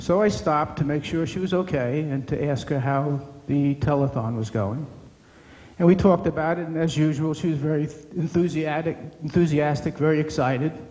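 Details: Adult male speaker; typical speech.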